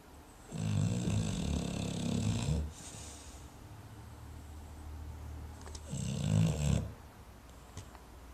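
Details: Gunther, nicknamed G Man, napping: two loud, low rattling snores a few seconds apart, with quieter breathing between; snoring.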